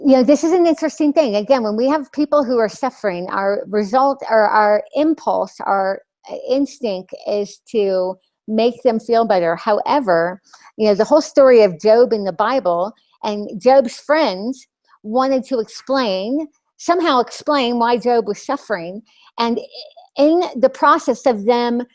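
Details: Lisp in an adult woman after losing her tongue (glossectomy); she describes the lisp as very obvious to herself and others.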